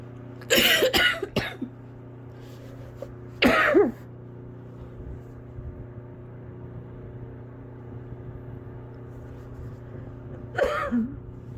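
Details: Sick with a feverish illness: about five harsh coughs in short bursts with long pauses, a cough with congestion.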